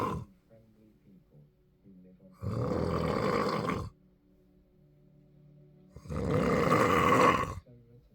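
Loud, harsh, rumbling snores on each breath, about two in eight seconds with quiet gaps between; heavy snoring.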